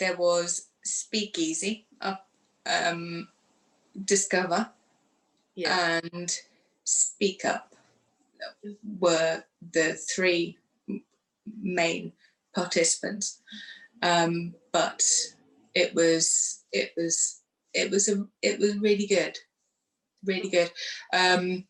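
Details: Woman who had a stroke two days after a hysterectomy in 2018, aged 44, lost her speech afterwards, and now lives with post-stroke aphasia.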